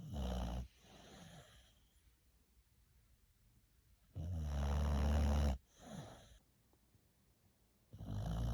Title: I love my Boxer! She snores!! #ilovemyboxer